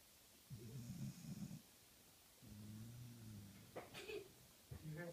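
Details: Beagle lying asleep on a couch, exhausted after a day of play, gives low, rumbling snores, about three breaths in five seconds, with a brief snort; ordinary dog snoring.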